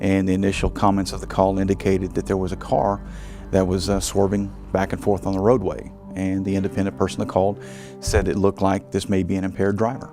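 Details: Adult man speaking; no speech disorder.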